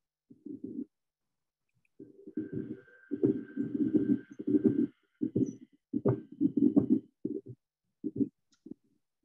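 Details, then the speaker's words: Pericardial friction rub in uremic pericarditis related to dialysis: scratchy, rasping bursts with each heartbeat. "all right so that was pericarditis for sure spot on"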